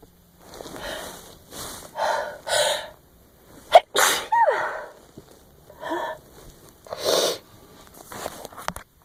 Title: Still Sneezing!